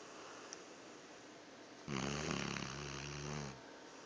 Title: Funny, loud snoring coming from our dog!!!